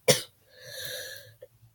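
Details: A single harsh cough followed by a drawn-out breath in, from a speaker who is very sick at the time of recording; cough.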